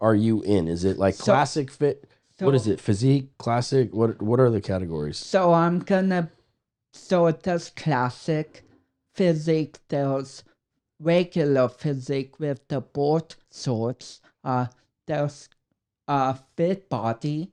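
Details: 32-year-old man with cerebral palsy affecting speech coordination and walking; dysarthria due to cerebral palsy.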